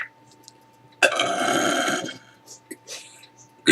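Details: Good-morning burp: a single long, rumbling belch lasting about a second, followed by faint room sounds; burping.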